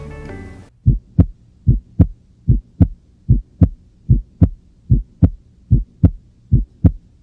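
Regular lub-dub heart sounds at about 74 beats a minute, with the second sound splitting on inspiration: physiological splitting of S2, a normal finding.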